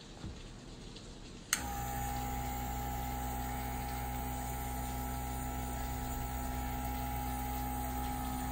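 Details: Nebulizer running with a 3 ml vial of imuno: a click, then a steady humming compressor drone with a faint rapid buzz as it runs continuously while the user breathes the mist.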